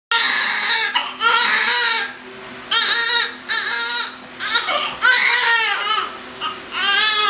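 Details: Newborn boy on the day of birth, 9 lbs and 21 inches, crying as soon as he came out: loud, strong, sustained high-pitched cries in repeated bursts; a vigorous, healthy newborn cry.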